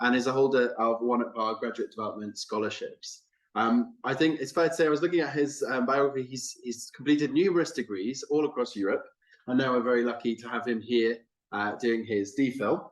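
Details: Adult male speaker; normal fluent speech.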